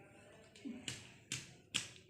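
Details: Cardiac dullness on percussion.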